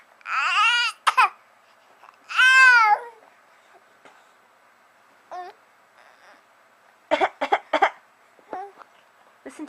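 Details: Infant babbling, then a few short, deliberate "fake" coughs made playfully for attention near bedtime; voluntary cough.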